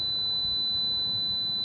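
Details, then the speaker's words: Simulation of tinnitus (ear ringing) as heard continuously by a sufferer: a steady, high-pitched pure ringing tone. "மாதிரி ஒரு சத்தம் காதுக்குள்ள 24 மணி நேரம் இருக்கு அந்த மனுஷனோட மனநிலை யோசிச்சு பாருங்களேன்"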